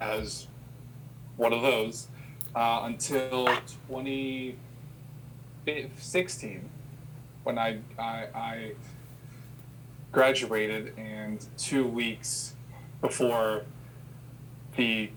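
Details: Adult who has stuttered since childhood and had speech therapy sessions as a child; repetitions heard; stuttering.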